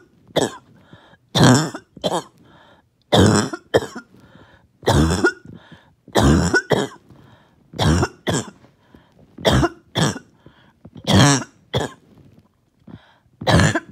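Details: The first coughing fit of the day: about fifteen forceful coughs in quick bursts with short pauses as the mucus will not come up; coughing fit.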